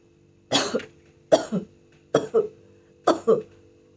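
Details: During self chest physiotherapy to clear sputum in Covid pneumonia, a person gives four deliberate double-burst coughs at even spacing; a demonstrated voluntary airway-clearance cough.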